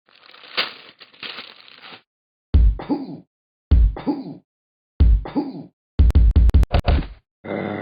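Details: A male gives a series of loud, deep, guttural burps in short bursts, quickening near the end; burping.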